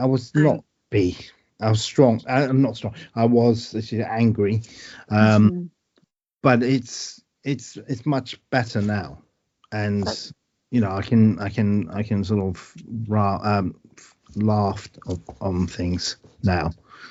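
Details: Adult man with aphasia after a stroke, with word-finding problems and great difficulty with numbers; real patient speech; aphasia.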